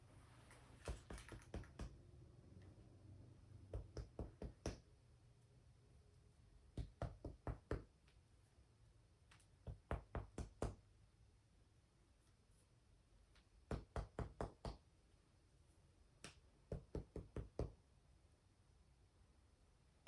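Repeated groups of two to four hollow, low taps from finger percussion over the back, with quiet pauses between: normal resonant lung percussion note.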